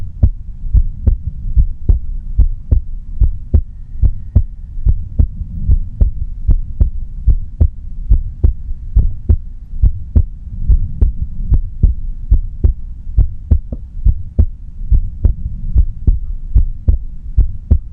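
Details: No-talking recording of an adult's heartbeat: steady, regular low thumps at about 73 beats a minute over a faint hum; normal heartbeat.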